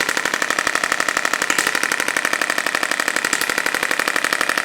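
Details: Radial shockwave device in gentle first treatment of a woman's lower back, with over five years of chronic lower back pain, reduced lumbar flexion and suspected adhesions: fast steady mechanical tapping, about four pulses per second.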